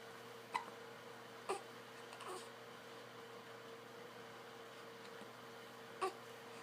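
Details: Infant hiccups at 4am: short, sharp hiccups from a baby learning to make noise, three clear ones and a softer one, over steady room hum.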